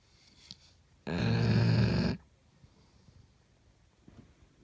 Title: Dog snore kuorsaava koira